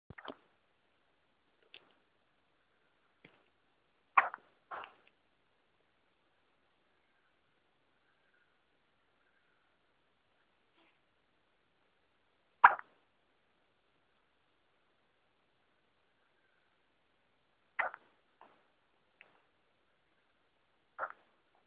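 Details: Brief, sharp clicking gulps at irregular intervals in a quiet room; hiccups.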